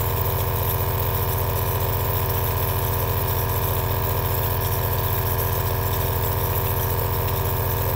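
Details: Steady low mechanical hum with a rapid rattle from an aerosol nebulizer compressor running continuously, recorded as a two-hour relaxing ASMR sleep sound.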